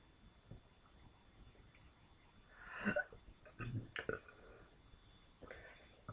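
A few short throaty bursts from the throat, fitting burps, in a quiet room.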